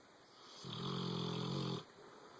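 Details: A sleeping boxer dog, settled in the owner's bed, gives one long, low, rumbling snore of about a second that rises from quiet breathing and fades; snoring.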